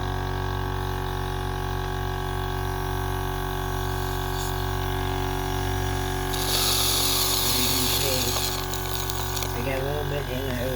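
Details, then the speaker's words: Sunset SU100 portable suction machine used by a head and neck cancer patient with a tracheostomy, dial at maximum power: steady low motor hum, then louder hiss as it suctions air and water. "Well, when I turn this on, you can get an idea if you think it's extra noisy or if it's just average or what you think. I I don't think it's too bad, personally, so here it goes."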